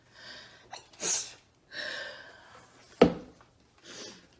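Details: A quick indrawn breath followed by a sharp, explosive sneeze with brief breathy sounds around it, from a K-pop idol.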